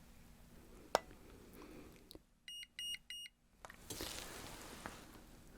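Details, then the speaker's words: Simulated roleplay ear exam for an infected ear piercing: a forehead thermometer hovered above the forehead to check for systemic infection gives three short electronic beeps; reading in normal range. "So, first thing I want to do is take a temperature. Because if this has become a systemic infection, then an increased temperature can give us an idea if that is happening."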